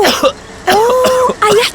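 A few short, voiced cough sounds mixed with throat clearing, acted for an advert.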